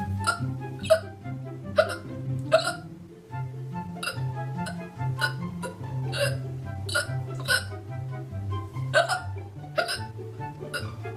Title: Cute girl with hiccups